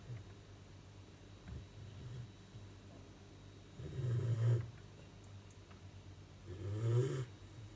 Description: Four months old Cute German Shepherd Puppy is snoring.